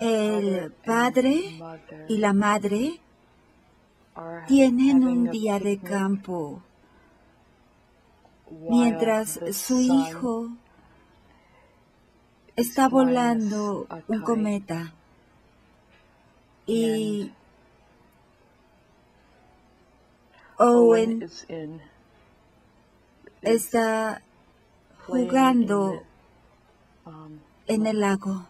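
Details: Logopenic variant primary progressive aphasia in a 58-year-old right-handed woman, symptoms beginning four years earlier; describing a picture with slow but not effortful speech, no motor or grammatical errors, and occasional phonological errors.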